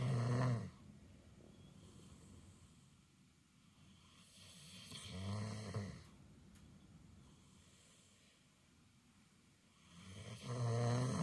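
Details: Deep, low rumbling snores with quiet breathing between them, about 11 a minute; ordinary snoring.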